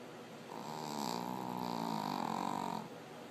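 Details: Shih Tzu dog snoring loudly: one long, rattling, buzzing breath with a fluttering vibration.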